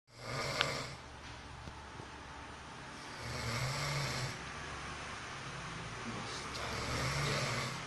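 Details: Person exhausted after coming home from work snoring in sleep, said to sound like a lovebird: soft irregular snores with faint chirping tones over steady room or traffic noise.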